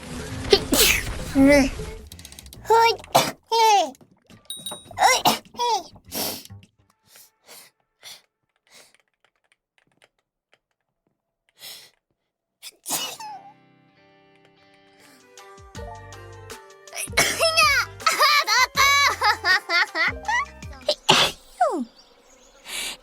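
Series of sharp sneezes from several different voices, some with brief vocal sounds between them.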